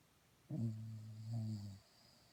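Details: Dog snoring: one drawn-out, low buzzing snore lasting just over a second in a quiet room.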